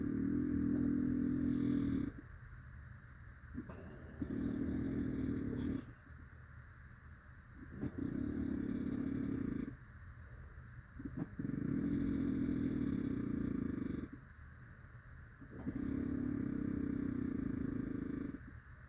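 Loud, rough, engine-like buzzing breaths lasting about two seconds, alternating with quieter pauses, roughly 15 a minute; heavy snoring.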